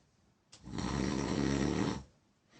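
One long, loud, deep rattling snore on the in-breath lasting about a second and a half; heavy snoring.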